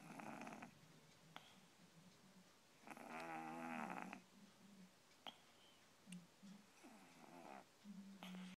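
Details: Snoring in a sleeping kitten lying on a laptop: soft, rhythmic, buzzing breath sounds with a purring quality, consistent with light snoring.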